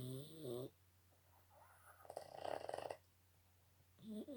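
Loud, rumbling, partly tonal snoring noises from a sleeping dog, with a rough noisy breath in the middle; ordinary dog snoring.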